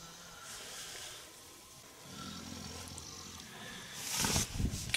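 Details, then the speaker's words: Man snoring at about 4 am in a tent during a wild camp on Dartmoor: low, rumbling, distant snore against quiet outdoor night air. "hear him snoring he said oh i snore a bit"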